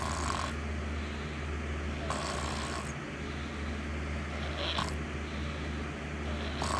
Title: Snoring sounds soothing